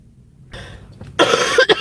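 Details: A soft throaty sound, then two quick harsh coughs from an adult woman who says she can hardly breathe.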